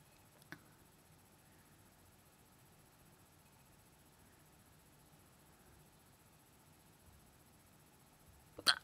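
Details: Two brief, sharp hiccup sounds about eight seconds apart in a quiet room; hiccups.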